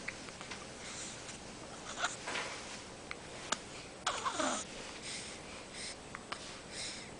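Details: Baby girl with hiccups being picked back up; she seems unbothered by them. Several brief, abrupt catching breaths and a squeak in a small room.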